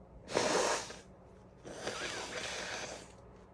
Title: Chhinkni Sneezes (nb)